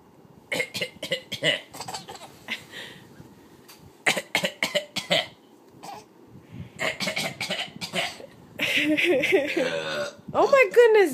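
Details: A young child and her father trade short, sharp deliberate voluntary coughs back and forth, mixed with laughter and brief talk.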